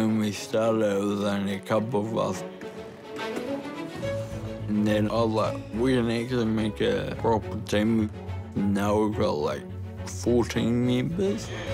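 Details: Ataxic dysarthria in a 29-year-old man with Friedreich's ataxia, a rare degenerative genetic disease diagnosed at 18, causing slurred speech that has worsened over time and progressive walking difficulty; he now uses a wheelchair.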